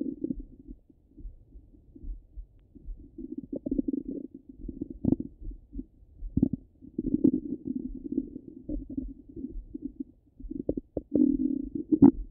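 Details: Bowel sounds from the stomach: irregular gurgling and bubbling rumbles with brief pops, coming and going.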